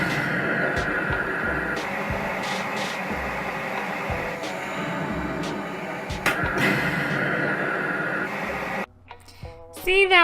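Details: Person with SMA using a cough assist machine on auto mode through a mouthpiece, not a mask: rushing airflow pushed in then pulled out sharply, with pauses between cycles and music in background; mechanical insufflation-exsufflation cycles.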